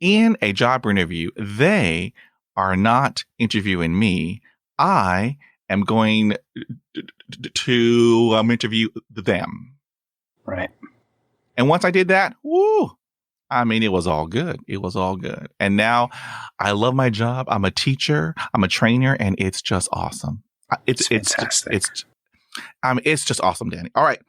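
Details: Adult man who stutters and says his stuttering is lifelong; he uses helper words and has blocks and long pauses; stuttering.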